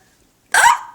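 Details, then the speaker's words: Recurring hiccups in a person who had just eaten Chinese food, with some burp-like hiccups; a single abrupt voiced hiccup after silence, a short jerky catch of breath. "no they're here again as you can tell"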